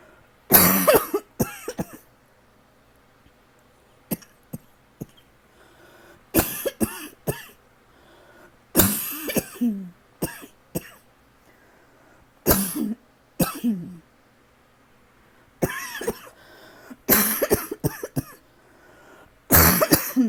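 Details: Persistent dry cough in an adult with a tickle that won't go away, coughing all night: repeated bouts of short, dry, hacking coughs with brief throat clearing between bursts.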